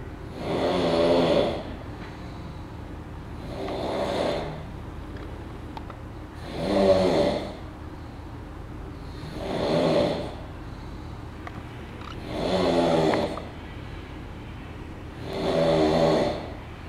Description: The Snoring Machine is back....and this time.....he is even louder than before.....muahahahahahahaha